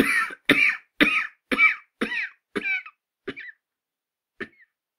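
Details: Sound-effect recording, acted: a run of about eight harsh coughs fading out, each with a whistling wheezy tone; wheezing cough.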